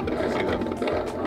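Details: Transcranial Doppler bubble study: a pulsing flow whoosh with brief sharp chirps riding on it, microembolic signals as injected air bubbles reach the brain arteries a few beats after injection.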